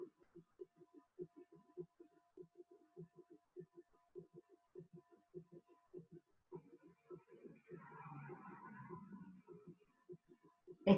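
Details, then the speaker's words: Summation gallop: rapid, repeating clusters of dull heart sounds in a galloping rhythm, with third and fourth heart sounds fused; described as typical of heart failure with diastolic dysfunction. "ahora bien tenemos el ritmo conocido como galope de zuma"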